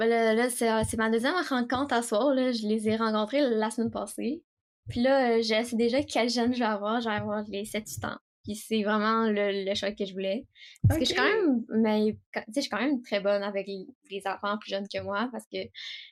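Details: Stuttering in an 18-year-old woman, speaking French.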